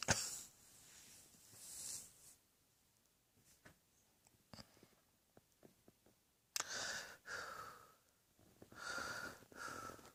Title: Cross Dressing Coughing 123